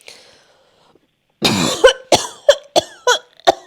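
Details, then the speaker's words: Acted coughing by a woman playing a grandmother with tuberculosis, prank-calling a phone scammer and claiming she is frozen from the air conditioning: a long throaty hack, then about six harsh, rapid coughs. "Я вся замёрзла. Думаю, что у меня кашель такой."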